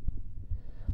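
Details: Normal heart sounds.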